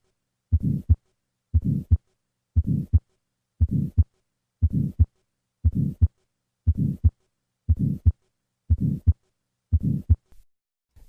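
Regular heartbeat near 59 a minute with a harsh systolic ejection murmur from right ventricular outflow narrowing in tetralogy of Fallot.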